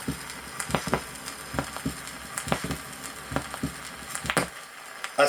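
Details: Normal heart sounds from a 1963 Soviet auscultation teaching record: paired sounds at about 70 a minute under record crackle, heard at Botkin's point.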